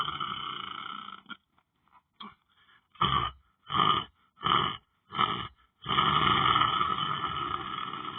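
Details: Loud, coarse snoring in repeated bursts with short pauses, then a long sustained rough, rattly snore, from a person sleeping while lying down on the floor during meditation.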